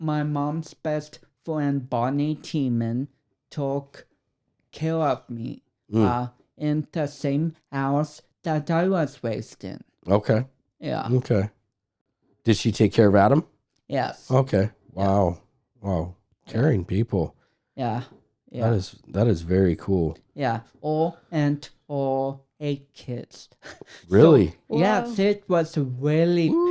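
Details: 32-year-old man with cerebral palsy, which he says affects his speech coordination and walking; dysarthria (cerebral palsy).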